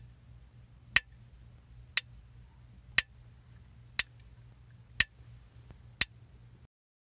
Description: Intravascular Lithotripsy (IVL) Fracturing Gypsum, a Similar Density to In Situ Calcium